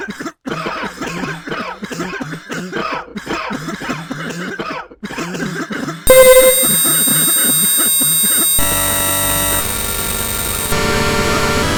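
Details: Cough.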